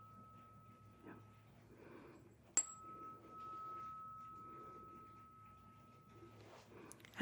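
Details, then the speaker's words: A struck tuning fork, called a 248 Hz fork, gives a clear high pure tone that rings about four seconds and fades, during a simulated cranial nerve 8 hearing test in an ASMR medical roleplay. "And our last fork may also be a bit tricky. This one doesn't tend to last as long noisewise. This is our 248 hertz fork."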